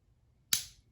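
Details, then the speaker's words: One sharp, crisp click in a quiet room as an OmniPod insulin pump inserts its cannula into the arm of a type 1 diabetic after a countdown: insulin pump cannula insertion click. "and it's only going to be clicks, so hopefully you hear it. So we're going to hit start, and on its 5th click, it should deliver the pump into me."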